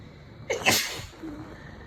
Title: Christmas Eve Sneezes